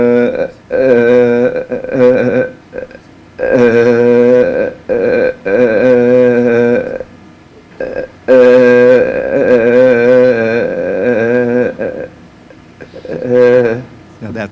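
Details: Classic adductor spasmodic dysphonia, described as a little more severe than most cases, heard alongside laryngoscopy showing the whole larynx clamping down.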